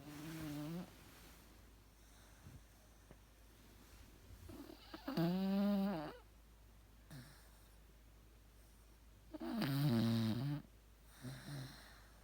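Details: Sleeping dog snoring: fluttering, buzzy snores every four to five seconds with soft breaths between.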